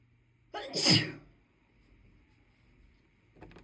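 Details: Woman with itchy allergies: a quick in-breath then a single sharp sneeze, then quiet; allergy sneezing.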